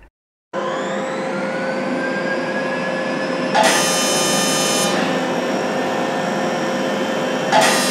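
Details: Non-ablative fractional CO2 laser on a woman's right cheek down to the jaw, after about 30 minutes of numbing cream: a steady high-pitched electronic whine with harsher buzzing bursts as pulses fire. The patient feels only slight warmth.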